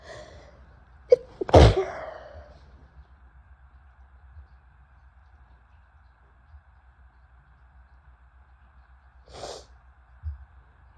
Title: Hitchy Sneezes + Noseblows (F)